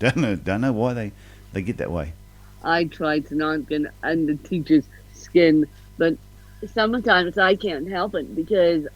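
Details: Adult woman with ataxic cerebral palsy (self-described ataxic-spastic, a "mixed bag" of CP), officially diagnosed at 31, with a slight speech impediment; ataxic dysarthria due to cerebral palsy.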